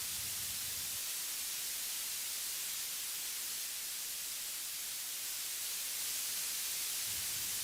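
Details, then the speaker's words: Tinnitus masker noise being tuned in both ears at once with the F and Q sliders, before the masker volume modulation options. "You can make the masker volume fluctuate by pressing one of the buttons in the Masker Modulation group."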